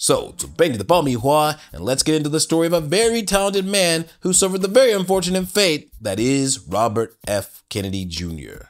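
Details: Adult narrator; normal voice.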